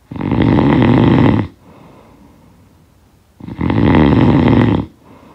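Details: Recorded snoring sound effect: two long, harsh, rattling snores with a quiet breath between; ordinary loud snoring.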